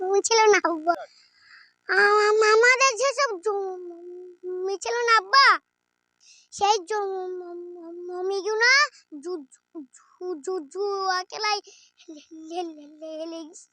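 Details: Acted stuttering in a Bengali comedy skit, with repeated phrases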